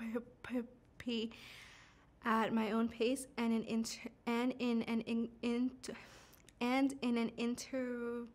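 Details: Adult woman who stutters, with audible word and part-word repetitions; stuttering.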